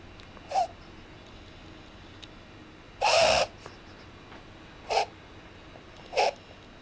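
Several brief, sharp snorting breaths with quiet gaps between them, fitting a reverse sneeze episode in a dog.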